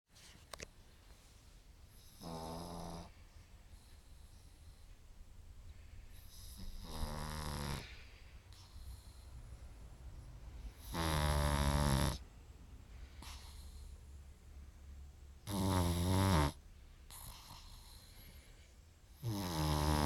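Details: Snoring in a sleeping pug: rhythmic, rattling snores roughly every four to five seconds, about 13 a minute, in a quiet room.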